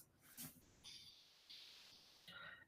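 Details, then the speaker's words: Sleeping dog snoring in a quiet room: faint, hissy breathing with a few whistly, snorting bursts. "denz y'all hear my dog snoring Piper wake up they both snore when they both get going it sounds like crazy in here"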